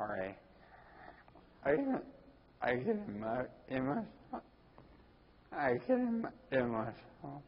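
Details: Ataxic dysarthria in a 41-year-old man with Friedreich's ataxia diagnosed at almost 20.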